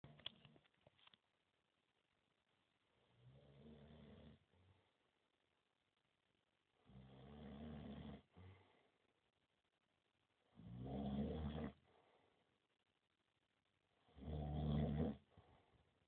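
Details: Sleeping friend snoring, recorded on a mobile phone camera: four low, rattling snores, each about a second long, at roughly 17 per minute with quiet gaps between.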